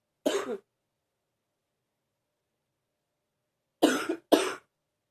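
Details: Deep coughing continues in someone feeling a bit better.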